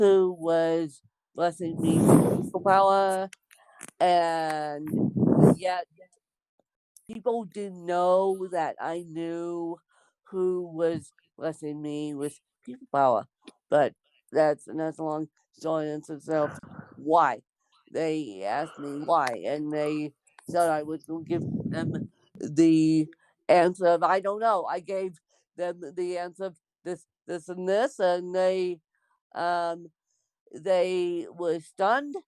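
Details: Dysarthria in an adult woman born with cerebral palsy (lifelong, congenital).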